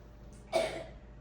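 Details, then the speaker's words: A single short cough burst from a child in the background of a quiet cabin room, alongside children laughing; an ordinary cough. "You can hear them in the background coughing, so and laughing."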